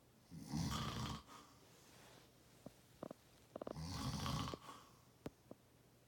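Two long, rough, low-pitched rattling breath sounds a few seconds apart, with brief clicks between them: snoring.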